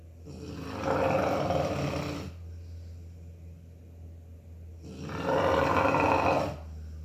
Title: Jasper snoring